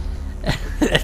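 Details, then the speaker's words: Video game narrator gives two brief, low, throaty bursts in quick succession over a steady hum, a short cough or throat clearing; he says he coughs very often. "Siento el toser, pero... que ya estáis acostumbrados a escuchar guías narradas por mí, sabéis que toso cada 2x3."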